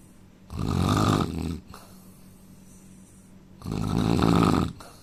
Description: indian man snoring sound asmr soud problem